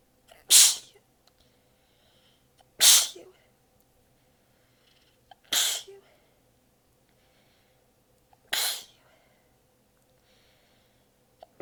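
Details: Sneezing fit while exhausted with sore abs, sneezes partly held back: four sharp sneezes a few seconds apart in a quiet room.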